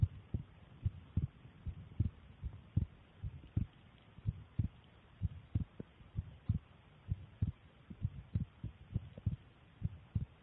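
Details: Own resting heartbeat recorded with a phone: steady low thumping at roughly 75 beats a minute, normal resting rhythm.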